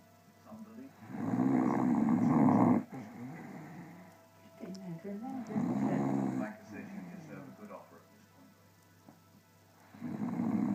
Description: Sleepy snoring staffy